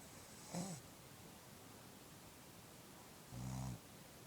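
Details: Adult woman sleeping: two brief, soft, low snoring sounds about three seconds apart over steady background hiss: light snoring.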